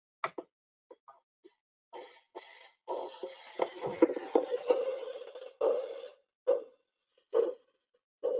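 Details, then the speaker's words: Doppler probe during a pet first aid/CPR demonstration: rhythmic whooshing arterial pulses at about 70 per minute after handling noise, a normal arterial flow signal. "So I'm going to put the Doppler now on my radial artery for a moment, and then that's going to be louder."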